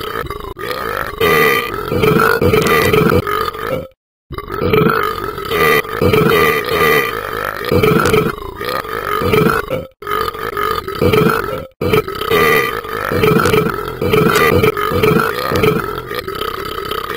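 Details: Repeated burping from a cartoon app character: about five loud, drawn-out burps with short silent gaps.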